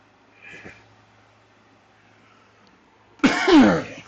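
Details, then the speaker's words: Adult speaking live suddenly coughs after a soft throat sound and near silence, a loud harsh cough bursting out near the end; says he can't stop coughing. "Excuse me. Goodness. I can't stop coughing."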